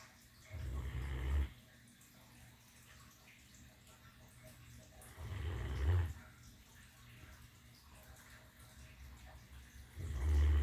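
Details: Female Great Dane lying on her pillow, snoring with deep, low rumbling snores about every five seconds (roughly 12 a minute) and quiet breathing between; snoring.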